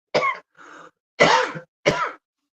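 An adult clears the throat, then gives two short dry coughs, with a quieter noisy sound between.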